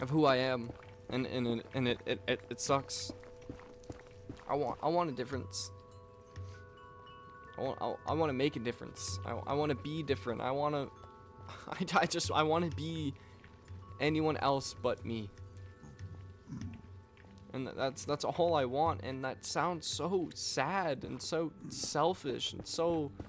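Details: Stuttering in a man who reports stuttering his words and repeating the same things over and over.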